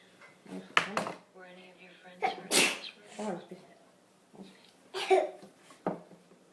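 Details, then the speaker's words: Young boy sneezing repeatedly, about 13 times: several sharp sneeze bursts in a row, with adult talk in a small room. "Pobrecito, ¿qué estornadera es esa?"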